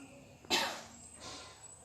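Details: Simulated nursing-student demonstration of deep breathing and effective cough on a woman: after three deep breaths held, a single forceful voluntary cough to clear the airways.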